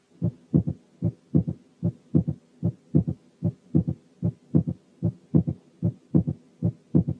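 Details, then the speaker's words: Third heart sound (S3): soft, low-pitched, duller, more muffled extra sound after S2, further from S2 than a split second sound; regular rhythm near 75/min; teaching recording. "ثانيا الثيرد هارت ساوند لور ان بيتش، يعني أدخن ومور مافلد عن السكند ساوند."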